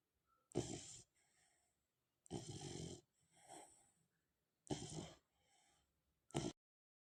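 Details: Dog snoring in sleep for the first time, sounding like a human: four loud, rough, snorting breaths with softer exhales between them.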